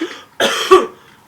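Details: Person who is sick, coughing up yellow phlegm, giving two short harsh cough bursts in quick succession, the second stronger, in a quiet room; cough.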